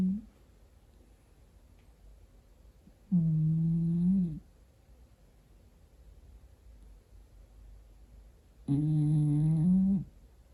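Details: Snoring from a sleeping 9 kg overweight rescue cat: two long, low, tonal rumbling breaths several seconds apart in a quiet room.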